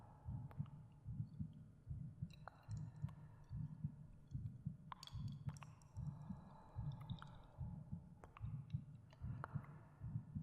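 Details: Creator's own heartbeat, about 74 a minute, with soft low steady thumps, faint clicks and 3D/binaural cave echo effects. Recorded under a soft-spoken ASMR guided meditation for relaxation and sleep. Normal heartbeat.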